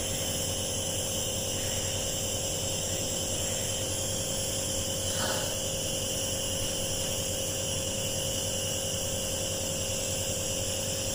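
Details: Home nebuliser used during a severe cough, the patient told to inhale the fumes with normal breathing: steady mechanical hum and hiss of the compressor throughout, with a brief faint sound midway; nebuliser compressor running.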